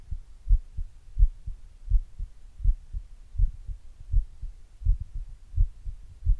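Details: Steady, muffled lub-dub beats at about 82 per minute with a low hum underneath, a normal resting heartbeat, self-recorded with an earbud mic and a glass.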